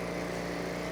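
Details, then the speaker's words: Steady mechanical hum of an adult ventilator pump running continuously in CPAP mode, attached to a test lung for a function check rather than a patient. "That again will start the pump going, and you can use the positive end expiratory knob to set the peak level."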